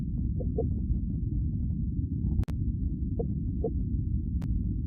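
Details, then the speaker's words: Fetal heartbeat on Doppler through the mother's abdomen: muffled, watery whooshing with faint pulsing blips, with music in the background. "so let me just let y'all hear the baby heartbeat"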